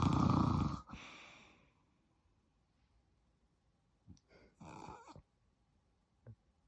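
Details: Adult man (the father) snoring in a small room: a loud snoring breath followed by quieter snorting, fluttering breaths.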